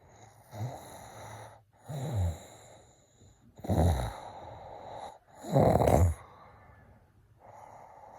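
Regular, rumbling snores, one with each breath, in a quiet room.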